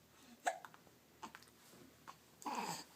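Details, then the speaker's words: A newborn baby boy with hiccups while awake and moving his hands: soft, abrupt little catches in the breath, a few in quick succession, against quiet room noise. "oh no now we got the hiccups oh no we got the hiccups oh there's a hand all those darn hiccups"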